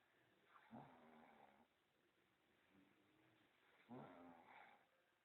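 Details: Snoring in sleep: two rough, rattling breath noises about three seconds apart over quiet room noise.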